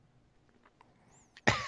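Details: A single short, harsh cough or throat clearing after near silence.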